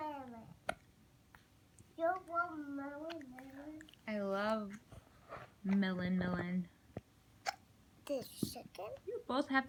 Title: Baby hiccups